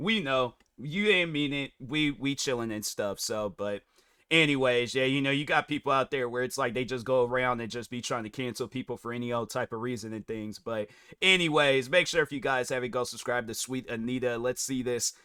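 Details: Adult male speaker; plain speech.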